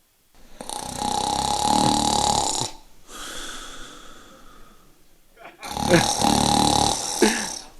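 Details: Audio-only example played during a talk on common pulmonary conditions: loud, harsh inspiratory snores separated by a quieter spell, illustrating snoring with obstructive sleep apnea, where the upper airway is repeatedly blocked during sleep.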